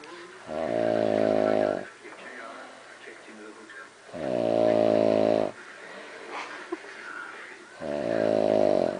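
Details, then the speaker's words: An adult woman (mother) snoring very loudly at 1 a.m.: three loud, rumbling snores on each in-breath, about 3.6 seconds apart (roughly 17 breaths a minute), with quiet out-breaths between; snoring. "Okay, that was Mom snoring. It's 1 o'clock in the morning, Monday night, and I just want everybody to know what a bad snorer she is."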